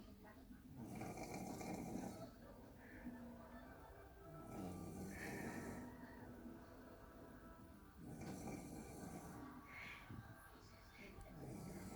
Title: When you have nothing to do but to stay in and snore